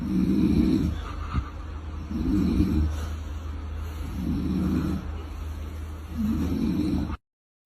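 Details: Loud rumbling snores on each in-breath, about 30 a minute, over a steady low hum, from a sleeping father; heavy snoring during sleep.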